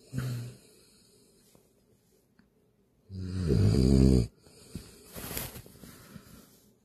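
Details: A Boston terrier sleeping in late on a weekend, not waking when called for a meal, gives deep rattling snores, one short and one long, with faint breathing between: dog snoring.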